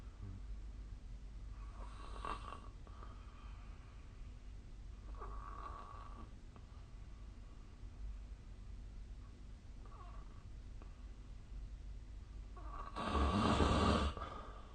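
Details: Snoring during sleep: soft, low rasping breaths in a quiet room, with one louder rattling snore near the end.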